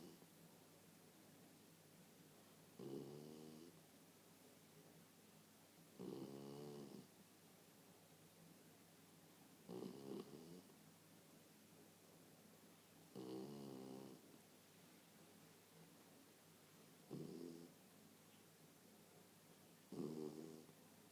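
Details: Vika, a sleeping West Highland White Terrier, snores with regular rattling bursts, about 17 a minute, separated by quiet exhalations.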